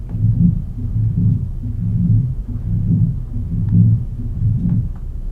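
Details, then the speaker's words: Mitral stenosis murmur in normal sinus rhythm: regular, low heart sounds near 71 a minute with a low rumble in diastole between beats. "much easier to hear them when they're your regular rhym 43 mitel stenosis murmur normal sinus"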